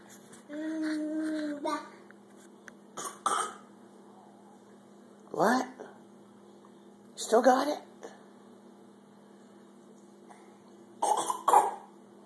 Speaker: a bad cough? Maybe you need just something to drink.